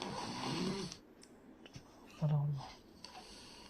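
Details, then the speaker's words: Child's low, rough snoring noise with breathing, presented in a paediatric pulmonology teaching case as pointing to a problem in the nasopharynx rather than the larynx. "So this is a child who is probably snoring, but therefore it tells you that the noise is coming somewhere from the nasopharynx. So the problem is somewhere in the nasopharynx."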